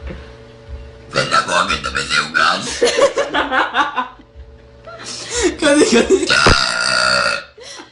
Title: Burping or speaking?